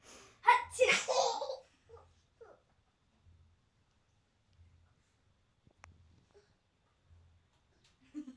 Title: baby funny sneezing